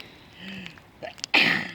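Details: Woman outdoors by a bonfire sneezing repeatedly, with allergies mentioned: a short indrawn breath, then one sharp, explosive sneeze, with faint fire crackling.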